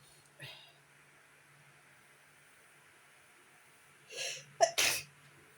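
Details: A person who woke up sneezing, described as very allergic: a short sharp in-breath, then one explosive sneeze in a quiet room.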